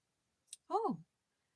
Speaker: I don't know if you heard that noise that my neck just made. Wow. I told you I didn't fall asleep until after 8:00 a.m. So, I'm very stiff and crackly.